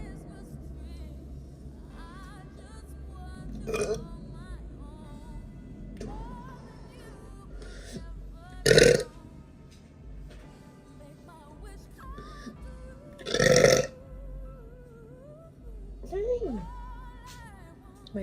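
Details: Young woman burping on purpose while rating drinks (coffee, chocolate milk, water, Diet Coke) for producing burps: two loud, low belches over background music, with quieter throat sounds between; ordinary burping.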